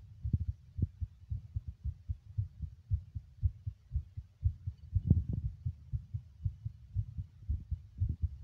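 Steady low thumping heartbeat, roughly 118 beats a minute, a fast rate; recorded during smoking.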